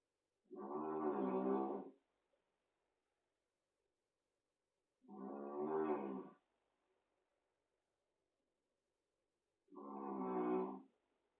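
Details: A small cat snoring: three long, tonal, groaning breaths about five seconds apart (roughly 13 a minute) in a quiet room. Loud cat snoring.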